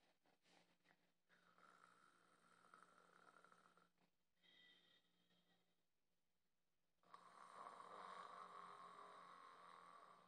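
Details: Mother pretending to sleep and imitating snoring to test her five-month-old baby's reaction: soft, rough snoring breaths with quiet room noise; simulated snoring.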